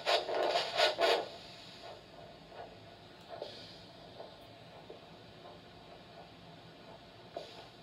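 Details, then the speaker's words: Handheld Doppler over the left dorsalis pedis pulse during ankle-brachial index measurement for peripheral arterial disease: regular whooshing arterial pulse, about 85 per minute; ABI was 1, normal. "Now I'm going to calculate your ankle brachial index, which is an indicator for peripheral arterial disease, using a Doppler. This is dorsalis pedis pulse of the left foot."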